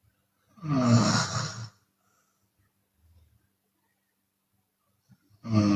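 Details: Adult Chinese woman's open-mouth snoring, sometimes with audible exhalation; repeated rough snores.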